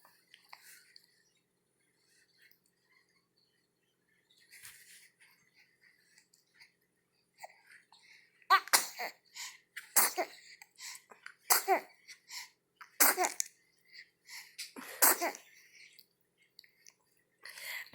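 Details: Sneezing, four in a row; a series of short, sharp sneezes with soft breathy sounds between them in a quiet room.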